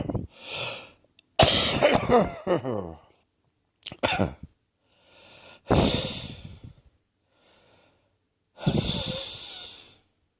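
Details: Morning coughing and wheezing attributed to a viral chest infection: several harsh coughs with whistling, wheezy breathing between them.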